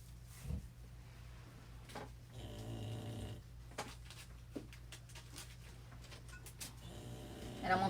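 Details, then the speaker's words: A male snores loudly in the background during a craft tutorial; the speaker apologizes for how loud he is, and the snoring is clearly audible. "Good Lord, I'm sorry. He's loud. I'm apologizing now. It's loud. You can hear him snoring, Pam."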